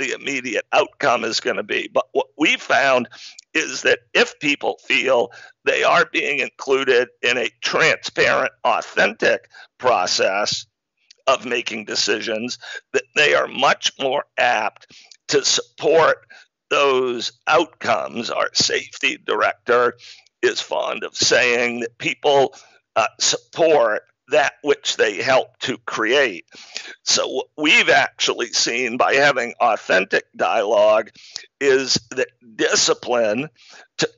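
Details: Adult man with spasmodic dysphonia, a rare neurological speaking disorder causing partial voice loss, with onset around 2010 and diagnosis in 2012; much improved over a decade but still present; spasmodic dysphonia.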